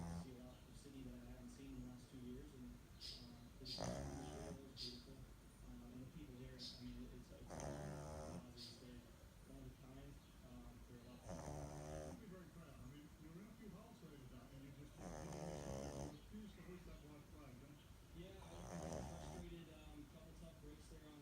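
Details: 10-week-old Bulldog puppy asleep, snoring: regular rattling snores on each breath, about 16 a minute.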